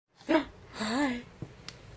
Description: My 7 month old giggling and then getting the hiccups.